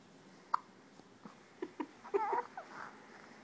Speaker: He's got hiccups like his mom. They never stop.